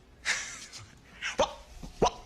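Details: Vocal tics in an adult man with Tourette's syndrome, in a dramatized film scene during a job interview to become a teacher.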